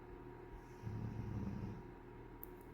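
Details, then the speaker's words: Snoring from a sleeping female ("she") heard in the background of a room recording: snoring. "And I am so sorry you probably hear the snoring. Just remember she is very very cute."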